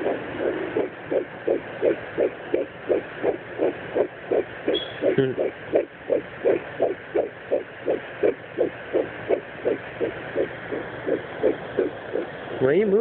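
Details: Home fetal Doppler at 10 weeks of pregnancy: fast, regular whooshing pulses of the fetal heartbeat, about 170 beats a minute.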